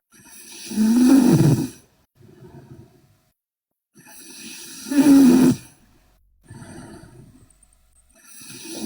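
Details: Sleeping Korean girl snoring loudly: rough snores on the in-breath, with quiet out-breaths between them, roughly 15 breaths a minute.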